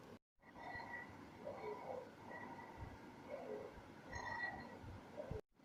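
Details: Rhonchi heard on stethoscope lung auscultation: low, musical, snoring-like tones that recur with breathing, a low-pitched wheeze described with pneumonia.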